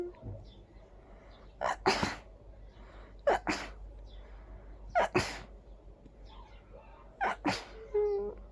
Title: Desperate big sneezing fit